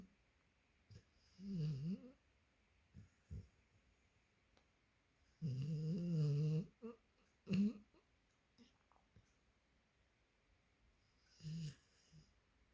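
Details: Springer Spaniel snoring while asleep, blinking and twitching: quiet, irregular nasal snorts and short snores with soft breaths between them.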